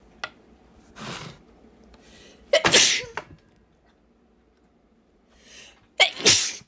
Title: Strong sneezes